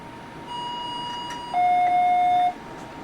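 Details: Medfusion 3500 syringe pump during a preventive-maintenance test, run at a high rate while a force gauge checks occlusion at about 10: a steady electronic tone, then a louder, lower continuous occlusion alarm lasting about a second as line pressure builds.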